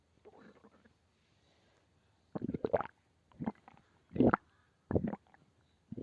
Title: Stomach growl